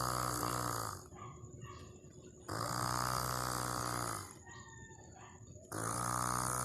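Loud, rattling snores on each in-breath, about three in seven seconds, with quieter out-breaths between; ordinary snoring.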